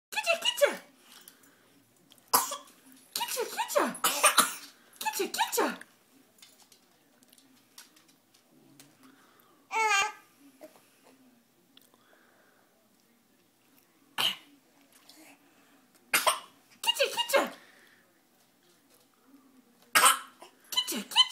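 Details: Young child makes short, deliberate fake coughs while adults laugh and chat playfully around her: a voluntary cough.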